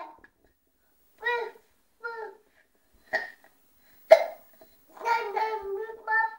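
A young child hiccups about four times in quick, uneven succession, then makes brief voiced babbling sounds.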